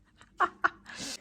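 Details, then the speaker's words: A man coughing in the background: two short, sharp cough bursts followed by a brief breathy hiss. "che tossisce, lo sentite?"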